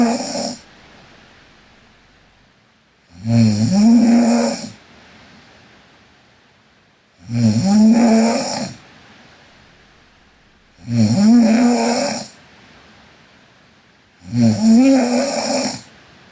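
Loud, regular snores with a fluttering, slightly tonal quality, about 17 breaths a minute with quiet gaps between; snoring.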